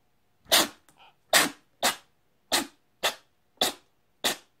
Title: Monday Sneeze Fest